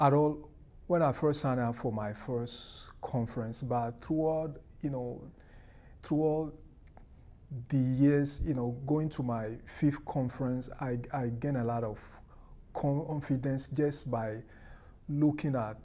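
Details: Adult person who stutters, speaking at a stuttering conference after attending several; stuttering.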